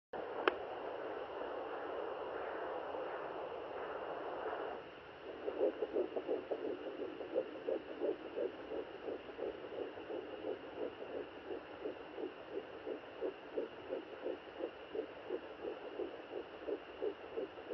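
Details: Fetal heartbeat on a Sonoline B handheld fetal Doppler: rapid, regular whooshing near 150–160 beats a minute after probe-searching static; probe being moved while locating it.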